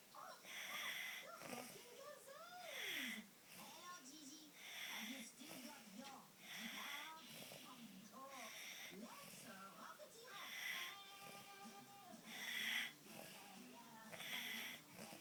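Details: A pet, Izzie, sick with nasal congestion, snores while asleep: rhythmic, noisy, hissing breaths at about 30 a minute with whistling tones.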